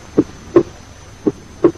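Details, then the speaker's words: Pulmonary area: two heart cycles of first and second sounds, with normal splitting of the second sound, A2 and P2 30–40 ms apart, better appreciated during inspiration; physiological splitting. "Now, as we move to the pulmonary area, pay attention to the normal splitting of the second heart sound, better appreciated during inspiration, when its two components, aortic and pulmonary, that is A2 and P2, are 30 to 40 milliseconds apart."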